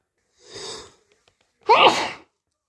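A soft sneeze followed by a louder, explosive sneeze.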